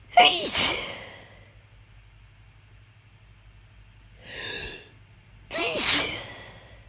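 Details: Morning sneezing after sleeping with the windows open on a hot night: a run of three explosive sneezes with a noisy rush of air, the second softer, in a quiet room.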